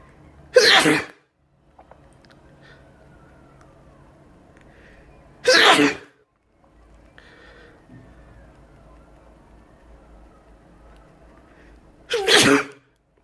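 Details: Self-induced sneezing: three explosive sneezes spaced about five to seven seconds apart, with quiet room sound between them.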